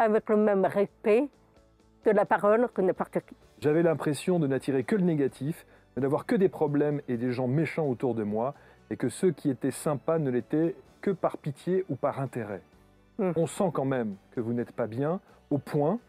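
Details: Adult speakers, interview; ordinary speech.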